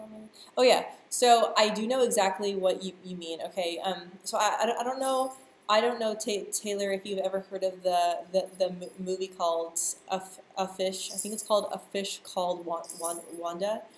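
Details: Stuttering in a person who stutters, speaking live and answering viewer questions; stuttering.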